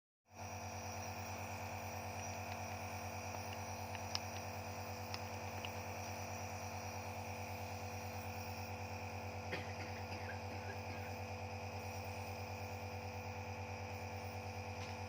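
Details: Compressor nebulizer running for a baby's steam/nebulization treatment for cold and cough: steady mechanical hum with rapid pulsing and faint room noise.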